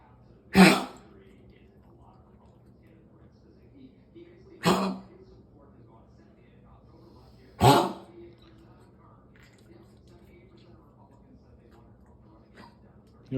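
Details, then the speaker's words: Dog coughing fit: three harsh, forceful cough or hack bursts about three to four seconds apart in a quiet room, occurring every time he climbs or descends stairs, walks outside, gets up from sleeping or drinks water. "He does this every time he either comes up the stairs or down the stairs or walks outside or gets up from sleeping or has a drink of water."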